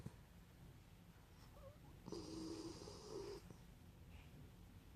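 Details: Miniature schnauzer snoring while asleep in the afternoon: one loud, rasping snore of about a second, with quiet breathing and faint room noise.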